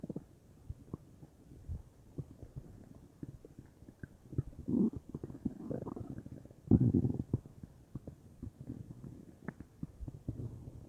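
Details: Bowel sounds (borborygmi); the person was unsure whether they came from stomach or intestines, with the whole belly feeling bubbly: soft gurgling, bubbling rumbles with scattered pops.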